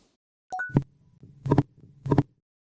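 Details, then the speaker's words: Simulated temporomandibular joint crepitus, rough repeated crunching on jaw movement said to come from an irregular, degenerated disc surface: a brief chime then three dull, rough crunching bursts. "약간 두두둑끓리는 소리가 여러 번 이렇게 날 수가 있는데 그런 경우에는 이미 디스크가 상에서 디스크 표면이 불규칙해서 나는 소리기 때문에"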